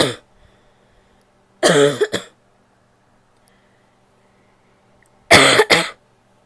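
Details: Female coughing in a quiet room: two separate bouts of coughing, each a strong burst followed by a shorter one.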